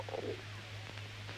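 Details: A brief low gurgling rumble over a steady hum: a man's stomach rumbling in an acted film scene (The African Queen, 1951), not a real recording.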